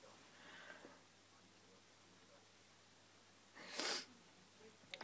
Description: at first I thought my cat was having a seizure then I realised she was sneezing